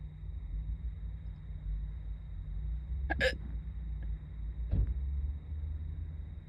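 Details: Person doing makeup in the car before school: two abrupt, brief gulping catches about a second and a half apart over steady car noise; hiccups.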